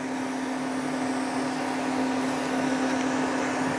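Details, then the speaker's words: Steady mechanical whirring with constant hum and rapid pulsing from an erbium fractional laser handpiece doing light passes on a man's face, treating scar areas more aggressively after microneedling. "going over scar a little bit more there's a couple areas of scars that we're treating a little more aggressively"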